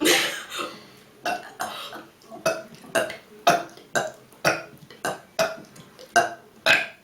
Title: Girl Burp Contest